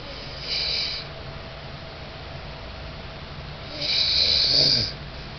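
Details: Snoring during sleep: two harsh, hissing snores on the in-breath, a few seconds apart, with quiet breathing between them.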